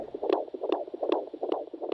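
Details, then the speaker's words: Fetal heart sounds on Doppler during intermittent auscultation: rapid rhythmic whooshing beats with a galloping-horse quality, roughly 140 a minute, a normal fetal heartbeat. "traditionally midwives have monitored a fetal heart rate at key stages in the delivery of a baby sounds like a galloping horse"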